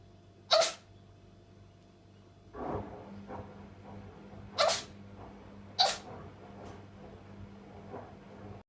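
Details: Ginger cat: three short, sharp sneezes with quiet breathing between them and a brief murmur of a person's voice; cat sneezing.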